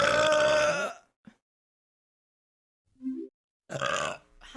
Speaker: I'm not hiccuping. I'm so sorry, I'm burping. Excuse me.